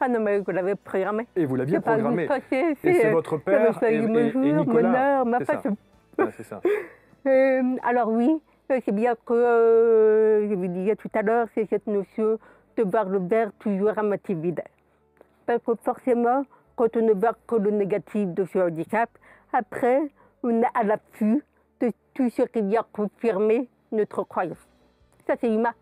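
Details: Adult woman, profoundly deaf since birth, speech learned through twenty years of speech therapy three times a week, has never heard her own voice; deaf speech.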